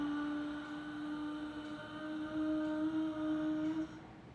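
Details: Female patient, recorded before voice therapy, with a high-pitched, hoarse, breathy voice; she reports her voice is not clear; dysphonia.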